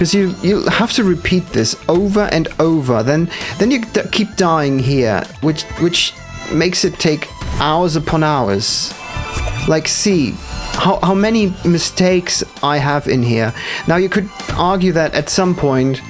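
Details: Adult male streamer's stuttering; he says it appears when he must focus hard, especially on game sections not yet in his muscle memory, and attributes it to the concentration demanded.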